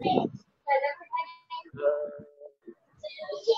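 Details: Stethoscope on the anterior chest while the patient speaks, result labeled normal; normal egophony (no E-to-A change).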